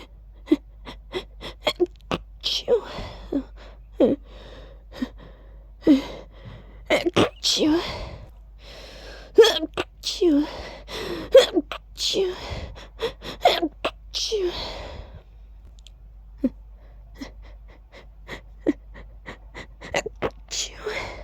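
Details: Deliberately voiced sneezes, ending each with an added "choo": repeated sharp, forceful bursts, some with a gasping intake before them, in a quiet room; a run of sneezes.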